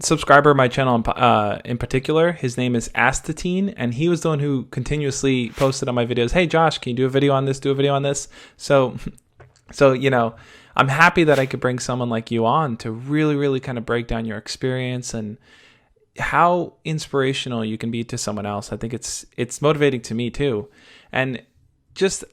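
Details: Adult male speaker; fluent speech.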